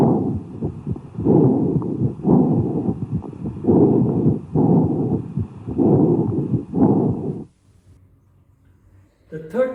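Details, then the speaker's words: Cavernous breathing over a tubercular lung cavity, demonstrated as an abnormal breath sound: loud, hollow, low-pitched breath sounds in repeated cycles, somewhat lower-pitched than bronchial breathing. "the second type of aboral sound is cavernous type of breathing or sound and is present over tubercular cavity I shown in the diagram so this tubercular cavity this sound is present and it is little bit low pitch sound as compared with bronal sounds"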